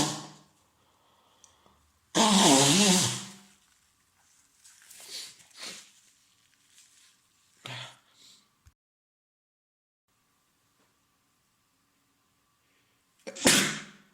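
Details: Man with a common cold (day three, congested, runny nose, sore throat): two loud explosive sneezes, the first with a voiced lead-in, separated by softer sniffing and breath noises.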